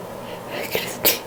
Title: I'm.. Goddaaaaaah! Sneehhh! ... Sneeze (F)